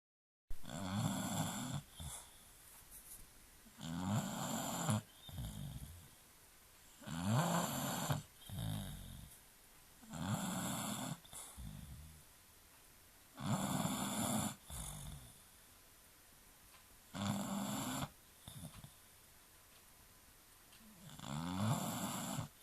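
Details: A British Bulldog sleeping peacefully gives loud, rattling snores, about six or seven breaths in twenty seconds.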